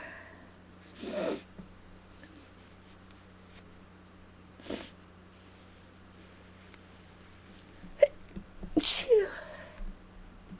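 Three or four sneezes separated by pauses, with a steady low hum in the background, consistent with allergy sneezing.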